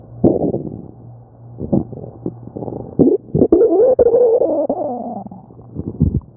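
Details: Loud gurgles and a long, rising-and-falling squeal from a hungry person's belly; stomach growling (borborygmi), a normal bowel sound.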